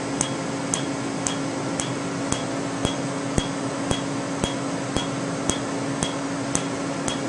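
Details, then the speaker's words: Sharp regular snapping clicks, about two per second, over a steady machine hum: Candela Tri-Vantage Q-switched laser tattoo removal, 755 nm alexandrite for green ink, then 532 nm YAG for red ink. "so we're going to treat at 532 nanometers which is using the yag wavelength on the tri-advantage and at 755 the animator is using the alex for the green part and the red with the jag parts"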